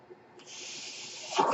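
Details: Mechanical ventilator: the speaker's own ventilator, heard behind his podcast speech.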